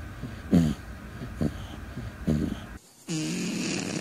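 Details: A sleeping cat gives several soft, low rumbling snores in a few seconds, then a different, louder noise at the end: snoring.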